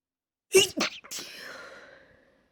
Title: pretty intense stifled sneezing fit